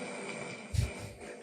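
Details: Adult man's snoring, discussed in a comedy podcast; he says he snores hard and thinks he needs a CPAP machine.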